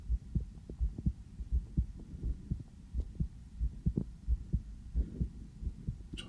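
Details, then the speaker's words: Own heartbeat heard through a sensitive stethoscope just after coming in from outside; steady lub-dub at about 90 a minute, slightly fast, with low background hum: normal heart sounds. "제 심장 소리를 이렇게 크게 듣는 건 처음이네요. 왜 이렇게 빨리 뛰지?"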